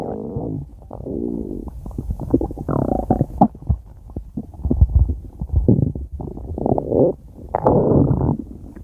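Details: Stomach growling (borborygmi): continuous gurgling, squeaky rumbles and bubbling from the abdomen.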